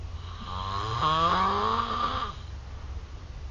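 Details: A man snoring: a single long, loud, buzzing snore with a rising then falling tone, over low room rumble.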